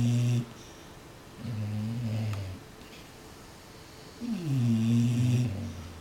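Low, rumbling snores on each breath from sleeping bulldogs, about three snores; ordinary snoring.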